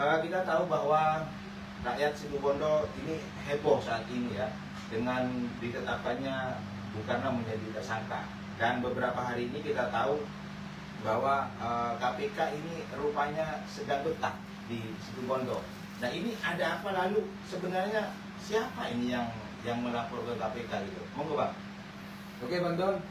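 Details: Adult male speaker; Normal speech.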